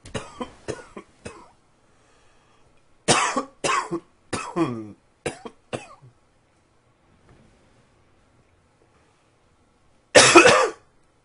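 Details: An adult gives about ten short, sharp, dry-sounding coughs in three clusters with quiet pauses between them, repeated coughing fits.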